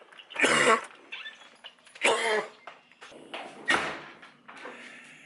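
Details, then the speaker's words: A sick person with a sore throat gives four harsh, loud cough bursts with quieter throat noises between them, in a small room; cough. "hey guys I'm sick got a sore throat and we haven't recorded anything yet this week so I thought what better way to spend them what a better blog we could do then having just a bunch of footage of me coughing"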